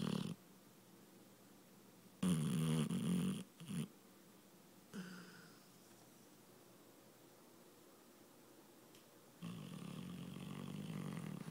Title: Sadie snores